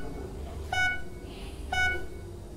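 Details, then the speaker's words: Two high-pitched electronic alarm tones about one second apart over low room noise: medical equipment in a hospital sending out an urgent alert, presented as an example of an intrusive sound. "Loud being in an Hospital while medical equipment sends out urgent"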